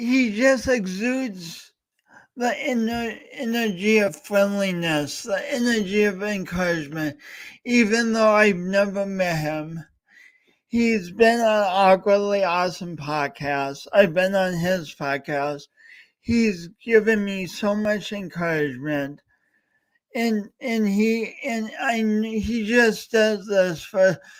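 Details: Adult male host with a speech impediment talking live during a three-hour talk-a-thon, with frequent word repetitions. Finding: stuttering-like disfluency (word repetitions and prolongations).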